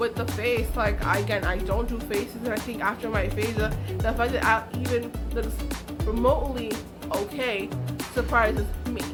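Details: Adult woman with aphasia after a stroke, which she says took away her ability to talk, write and paint; aphasia.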